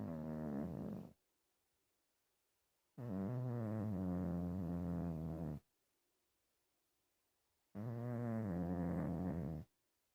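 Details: A cat snoring: long, low, buzzing breath sounds with silent pauses between them, about 13 per minute.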